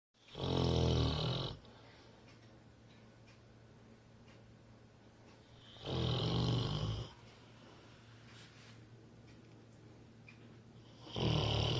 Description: Very Funny labrador Snoring